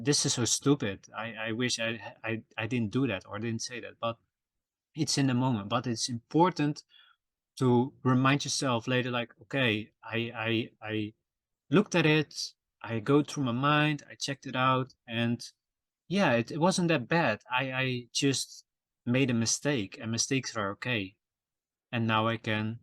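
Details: Adult male podcast host who says he stutters and that it can be heard in his episodes; word repetitions in this stretch; stuttering.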